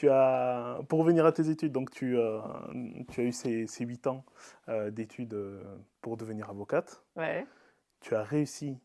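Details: Adult speaker (podcast host); typical speech.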